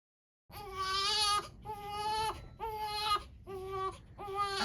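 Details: One-day-old newborn girl crying during a hearing test in hospital: rhythmic high-pitched crying in short repeated bursts with quick breaths between them.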